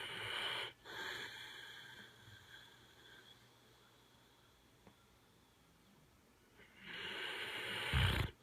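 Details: A dog snoring: two rough, noisy breath sounds at the start and end with a quiet pause between.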